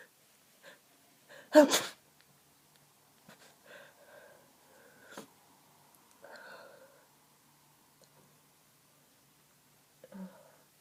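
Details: Person on day 3 of a cold, very congested and feeling ill: one strong, tired sneeze followed by soft sniffs and nasal breaths through a blocked nose; sneezing.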